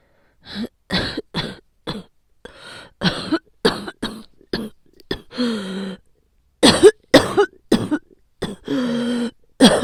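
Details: Cough with common cold, recorded when just breathing in made the bronchi hurt and coughing was very painful; repeated forceful coughs in quick runs, some with a strained voiced edge.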